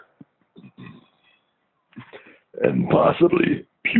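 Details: Short croaky bursts, then a longer loud voiced belch: deliberate repeated belching while drinking beer, recorded on a phone mic, amid hiccups.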